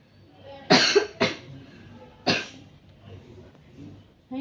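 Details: Three forceful coughs in quick succession with a slightly wet, loose quality: a productive cough. It is acted in a nursing role-play of effective coughing for a patient who has had trouble bringing up phlegm for three days.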